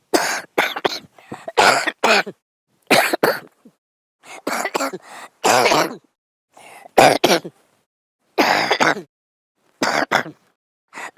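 Repeated short bursts of coughing in clusters, separated by quiet pauses, about a dozen coughs; a sleeping man's cough.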